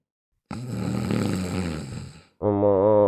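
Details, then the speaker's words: Comedy sketch, acted imitation of a husband snoring at night: a loud, rough, rattling snore on one long breath, then a sustained voiced tone; simulated snoring. "No, amor, te vuelves a roncar una vez más, te juro que me voy a dormir a la sala."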